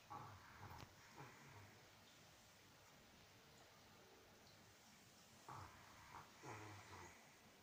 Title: Boxer dog snoring